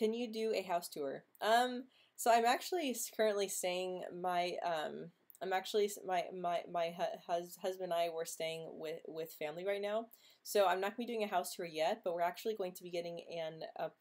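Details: Stuttering in a female host of a stuttering livestream hangout who refers to herself as stuttering.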